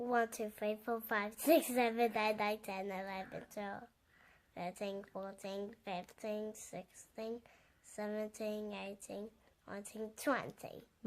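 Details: Girl with an interdental lisp, counting aloud; her tongue protrudes between the front teeth on all /s/ and /z/ sounds and some /t/ sounds.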